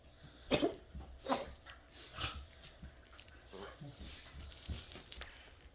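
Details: A boy coughing while lying on his back.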